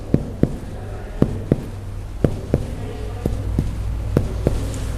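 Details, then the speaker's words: Cardiac examination percussion: paired finger taps from lateral to medial toward the sternum give a hollow resonant note all the way, the normal finding over air-filled lung. "can you observe its resonant note we will percuss tell the sternum okay this is resonant all the way"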